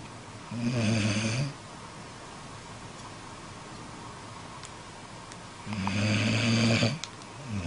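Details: Two loud, rough, rattling breaths about four seconds apart, separated by quiet breathing: snoring during sleep.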